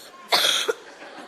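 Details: Boy contestant with a cold coughs after singing on stage: a single harsh cough burst.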